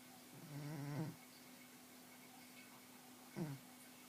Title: Mugi's snoring